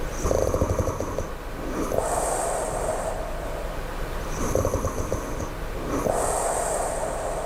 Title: low snoring